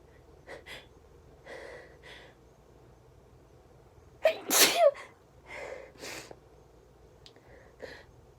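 Soft breathy sounds build to one loud sneeze burst, followed by quieter breaths and sniffs.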